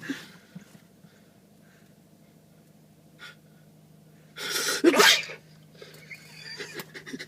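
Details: A single loud, abrupt sneeze in a quiet room, occurring as a tic in a person with Tourette syndrome: sneezing tic.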